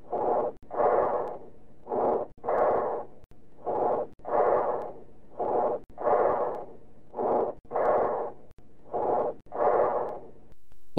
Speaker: Now listen to the tracheal breath sounds heard over trachea and note the features of bronchial breath sounds. They are high-pitched blowing sounds with expiration longer than inspiration and a gap between inspiration and expiration.